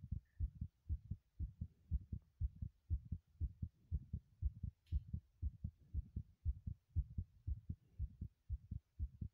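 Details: Heartbeat recorded while running in a bathroom: a rapid heartbeat during exercise.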